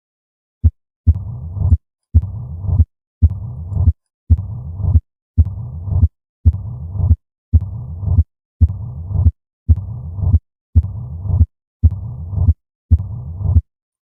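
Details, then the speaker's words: Low rumbling diastolic murmur filling diastole with presystolic accentuation, uniform shape, regular at about 56 beats a minute; severe mitral stenosis murmur. "occasionally the murmur has more of a decrescendo shape with pre-systolic accentuation because the pressures in the left atrium and left ventricle can equalize up until atrial contraction take a listen to the uniform murmur of severe"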